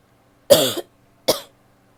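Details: Two short, sharp coughs from a female, the first stronger and longer, in a quiet room.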